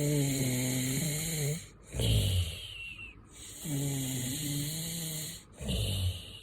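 Two long, low, rattling breaths in with quieter breaths out between them, with steady background hum; snoring.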